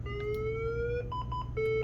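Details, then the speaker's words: Defibrillator training for synchronized cardioversion on a likely awake patient: after pressing charge, a steady rising electronic tone then short beeps before clearing and pressing the shock button. "everybody out of the way and hit the red lightning bolt button and same for you guys we can go ahead and charge clear everybody out of the way and then hit the red lightning bolt button"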